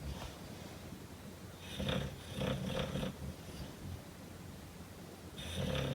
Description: Hank my Mastiff snoring and dreaming on chair.